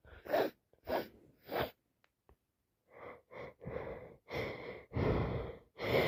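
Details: Sneezing from an adult with a heavy head cold, blocked yet running nose: a rapid run of repeated sneezes with short catching breaths between them.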